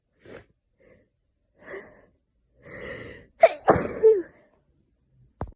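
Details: Soft indrawn breaths build to a loud, forceful sneeze in a quiet room, part of a sneezing fit with an itchy nose; suspected hay fever from tree pollen in London, or a cold.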